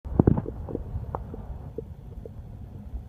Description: Skipped dinner and now my stomach is growling with hunger.